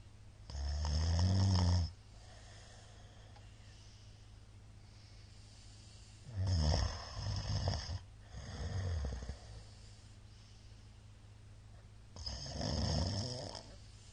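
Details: Middle-aged man's very loud snoring during sleep: rumbling snores in three to four bursts with quiet breathing between, in a small room.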